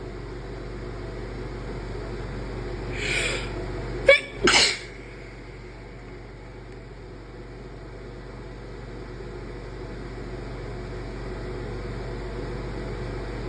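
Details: Soft inward build-up then two sharp, closely spaced sneezes over steady room hum; deliberately induced sneezes.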